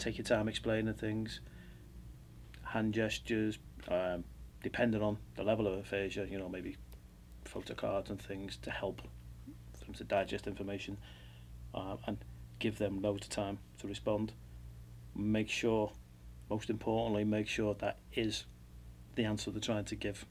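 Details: Adult male speaker; unaffected speaker.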